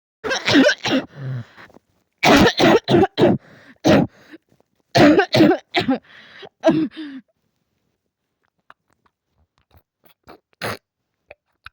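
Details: Acted, simulated coughing from an adult: three clusters of short, forceful coughs, roughly fifteen in all, then near silence with faint small sounds.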